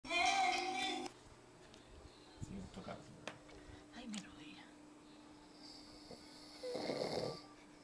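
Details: Snoring during sleep: two rough, rattling breaths separated by quiet room sounds.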